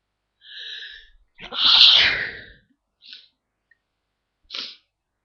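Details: Person deliberately trying to stifle sneezes, not very successfully; a short stifled sneeze, then a loud full sneeze breaking through, followed by two brief breathy puffs.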